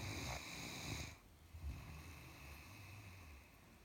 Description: Max the Great Dane is a very sound sleeper and a noisy one.